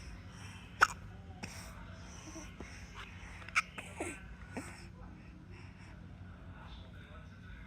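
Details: Six-month-old infant: several short, sharp, quiet hiccup-like catches over steady low room hum; infant hiccups.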